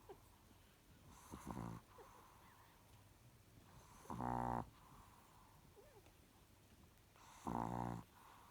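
Quiet background with three brief rattling, snorting breath sounds a few seconds apart; snoring in a sleeping small dog.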